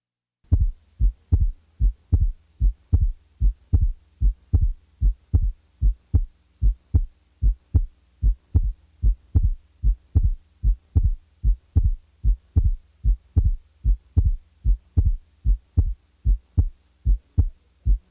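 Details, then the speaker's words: Teaching recording, diaphragm at left base: regular heartbeat about 75 a minute with an abnormally wide split second sound (40-50 ms, from delayed pulmonic closure), the split sometimes removed for comparison with normal; widely split second heart sound. "it is heard best at base left with the diaphragm listen to the following widely split second sound the split will be taken out occasionally to allow you to compare the normal with the"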